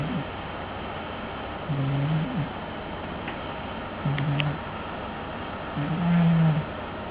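Low, buzzy snoring sounds recurring about every two seconds over steady background hiss, from a sleeping cat.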